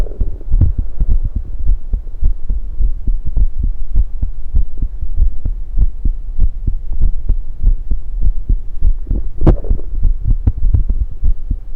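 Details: Own heartbeat recorded with USB electronic stethoscope while drinking soda: steady low thumping about 100 beats a minute with a louder gurgle or burp midway from the esophagus; normal heart sounds.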